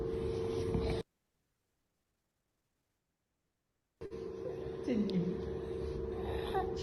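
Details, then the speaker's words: Toddler with subglottic stenosis: continuous harsh, high-pitched noisy breathing through both breath phases, with brief whimpers and a silent gap; biphasic stridor. "Most of you all have caught the sound. So I can see most of you all have labeled this as biphasic stridor."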